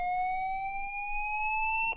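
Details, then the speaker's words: LIFEPAK 15 defibrillator charging at the default 200 joules via Charge button: steady tone rising slowly in pitch with a charging bar, ending in a brief click when fully charged. "Choose the energy level you want. Press Charge. There's a charging tone and a charging bar."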